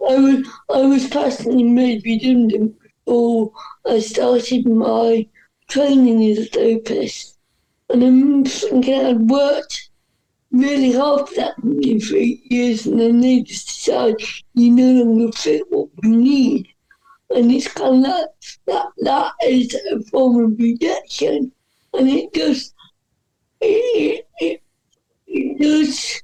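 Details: Dysarthria in a woman whose speech is affected by cerebral palsy.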